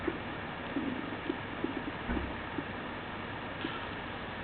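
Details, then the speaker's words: Frequent quick gurgles over a soft hiss, hyperactive bowel sounds of diarrhea, played on a teaching manikin simulator at the upper right and upper left abdominal quadrants. "sam presents over 20 bowel sounds they may be heard in the upper right and upper left abdominal quadrants listen to the sound of diarrhea"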